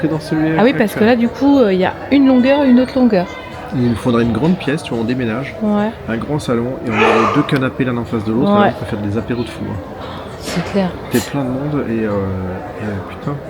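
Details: Adult speaker; normal voice.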